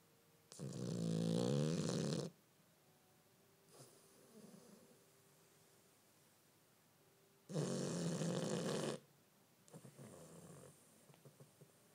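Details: Person snoring while half awake: two loud, low, rattling snores about six seconds apart, each followed by a softer outward breath; snoring.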